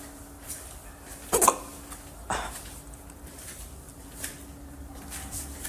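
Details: Right after eating Jolo Chips, a person has deep hiccups: two sharp, abrupt hiccup sounds about a second apart, then a fainter third, in a quiet room with a steady low hum.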